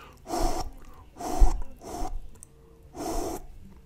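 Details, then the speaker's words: Vocal imitation of the holosystolic blowing murmur of mitral regurgitation with a premature beat; the beat after the compensatory pause keeps exactly the same murmur intensity, with no change. "here's what you hear with a premature beat in mitral regurgitation exactly the same"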